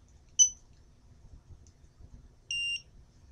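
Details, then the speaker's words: GemStar epidural infusion pump switched on: a short chirp then a longer high tone in a quiet room as it runs its start-up self-test, battery-only operation. "it'll go through a self-test which takes a few moments it then comes to this page which says using batteries and you have to press enter to confirm this machine only uses batteries"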